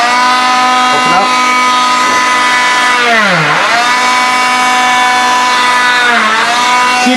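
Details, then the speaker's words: The loud, steady high-pitched whine of a motorized cast saw, dropping in pitch twice as the blade bites in, while a below-elbow wrist cast is cut off: the cast saw cutting a cast. "do not put the cast saw in and then move up you will cut them and you will slice them into several pieces it's not fun"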